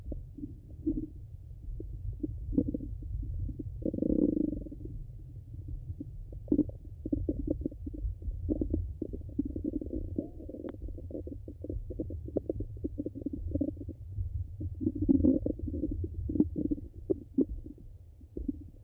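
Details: Stomach sounds recorded hungry and full: low gurgles and irregular bubbling rumbles over a steady low hum; ordinary bowel sounds of digestion.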